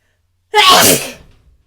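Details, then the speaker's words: Sneezing fit with huge buildups: one loud, explosive, wet sneeze fading into a brief breath, with the sneezer saying they still have to sneeze and may or may not be done. "I still have to sneeze. Oh my god. Oh my god. I think. think I might be done for now, but it's hard to tell."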